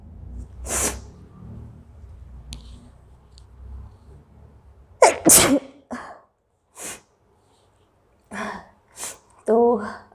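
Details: Several forceful sneezes from a woman in a sneezing challenge, induced with chilli that made her eyes water; one is a close double, separated by sniffs and short breaths.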